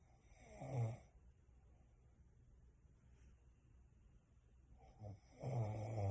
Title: lover snore